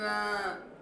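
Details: Old man with stroke and left hemiplegia, understands and knows the answer but utters only meaningless sounds; writing preserved; expressive (motor) aphasia, described as pure word muteness.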